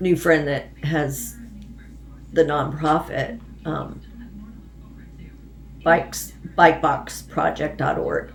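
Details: Adult woman with Parkinson's disease and essential tremor, tremoring as her medication wears off, who says her voice is affected; hypokinetic dysarthria (Parkinsonian speech).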